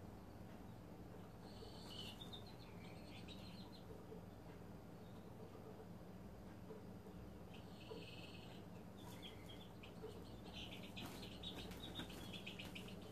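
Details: Soft, high cricket-like trills in short bursts over a steady low hum as about 6-week-old Serama chicks settle and fall asleep at night: trilling snores.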